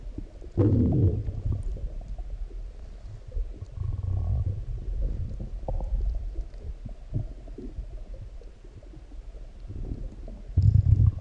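Deep, irregular rumbling growls and gurgles from the abdomen, ordinary active bowel sounds after a large meal.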